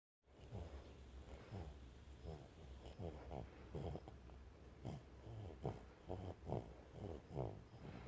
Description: Adorable pet baby goat is soundly snoring away inside on the couch.